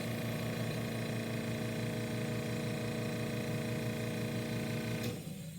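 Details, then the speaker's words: Portable home-care suction machine (EasyVac) running in a simulated nasotracheal suctioning competency by a respiratory therapy student; suction port occluded and set to 10–12 cmHg; steady loud motor drone and whine, then switched off. "the way to set suction is by turning it onto the toggle here and then occluding the suction port and watching where the needle lands and using low high to get it within 10 to 12."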